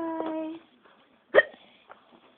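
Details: Mother with hiccups while her amused young son watches: a brief hum, then one sharp, abrupt voiced hiccup gulp, followed by a faint second catch.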